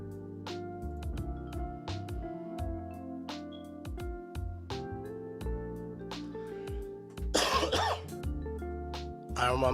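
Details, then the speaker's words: Cough from a woman in the background during a live football watch-along: one or two brief, harsh cough or throat-clearing bursts over steady background music and sounds. "I know, if you can hear her coughing in the background, I am sorry."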